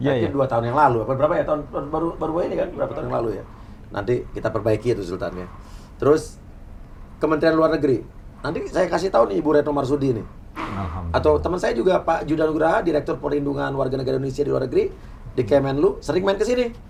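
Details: Adult male speaker; normal speech.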